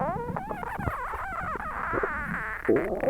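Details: Continuous loud squeaky, warbling gurgles with pitch slides and bubbling pops: active bowel sounds from an aching, tight, overstuffed belly recorded right after a large Christmas dinner.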